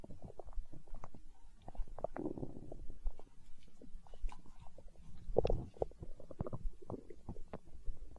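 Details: Stomach growling in hunger, tagged as empty-stomach sounds in an ASMR recording: quiet, continuous low gurgling and bubbling rumbles from the belly, ordinary borborygmi.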